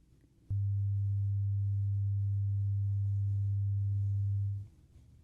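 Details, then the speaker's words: Simulated hearing test in an ASMR medical-exam roleplay, tone through headphones: a steady low pure tone lasting about four seconds, then stopping. "For this one, let me know when you hear the beep. Okay, now what ear do you hear the sound?"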